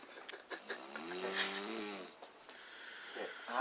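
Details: A single voiced, rattling breath noise with rising and falling pitch amid faint room noise during sleep; snoring.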